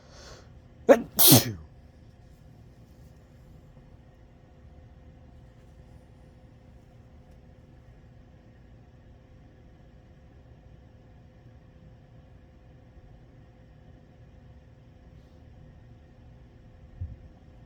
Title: sneezing and nose blowing